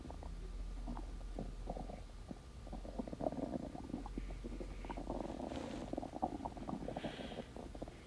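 Long gurgling, bubbling rumble with shifting pitch and small pops; ordinary stomach growling from gas and fluid moving through the gut.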